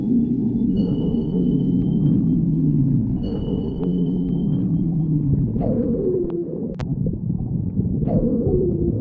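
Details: Stomach growling (borborygmi): continuous low rumbling with long gliding, whine-like gurgles.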